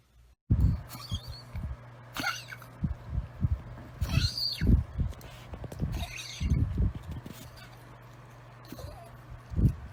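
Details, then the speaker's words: Deep, harsh hacking cough in a female dog, vet-diagnosed kennel cough that day; white mucus or phlegm may be brought up with the cough. "she's got a little bit of cough it's actually kennel cough is what the vet diagnosed it as we took her in today you'll hear a pretty deep cough"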